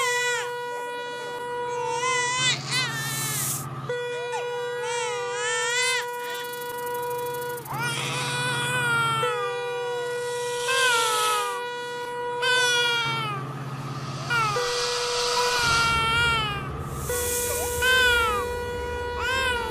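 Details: Repeated wailing infant-cry bursts over steady engine drone and horn tones, replayed from a train-simulator game video; not a real baby.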